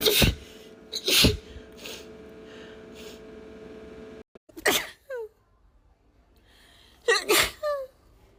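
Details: Woman with allergies sneezing repeatedly: four sharp, explosive sneezes, several ending in a high-pitched voiced squeak, separated by quiet breaths.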